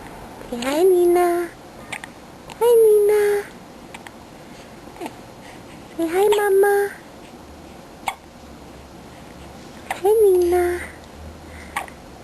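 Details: Four short voiced hiccups with a brief vocal tail, about 17 a minute, in a quiet room from a 5-week-old baby: hiccups.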